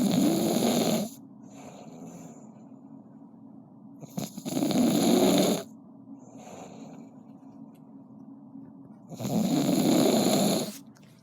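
Loud, rough snores on each in-breath, about 13 a minute, with quieter breathing between them.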